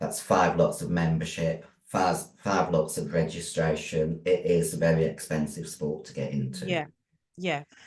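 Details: Adult female bodybuilder with androgen-induced voice deepening (virilization) after large doses of male steroids (performance-enhancing drugs). Her voice was formerly high-pitched and is now very deep, and she can no longer sing. She also has chronic kidney disease and past liver damage.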